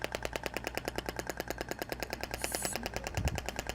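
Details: Thork shockwave therapy applicator held on a muscle trigger point, delivering rapid, regular, sharp clicking shots.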